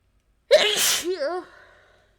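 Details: Single sharp sneeze from a girl, ending in a short voiced sound, in a quiet room.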